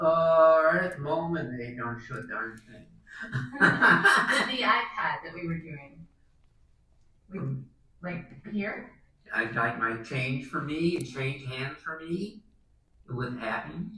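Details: Wernicke's aphasia, a fluent aphasia from damage to Wernicke's area: many words producing meaningless word salad, with impaired comprehension and the patient unaware of his errors.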